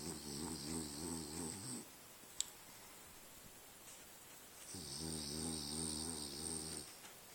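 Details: French bulldog, very tired after a long, adventurous day in the forest, dreaming while asleep; two long, buzzing, fluttering snores separated by a quiet pause; snoring.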